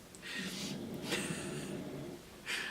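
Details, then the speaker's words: Pet pug snoring; the snoring stopped when her name was said, then resumed: a long, rough, fluttering breath with snorty hissing at either end. "Can you hear Muffins? Can you hear her snoring? I said her name and then she stopped."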